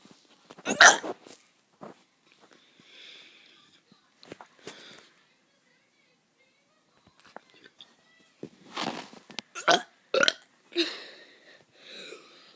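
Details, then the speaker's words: Child making deliberate, forced burps: a series of short, throaty bursts with quiet gaps between them; voluntary burping. "Hey guys, I'm gonna be doing some burps."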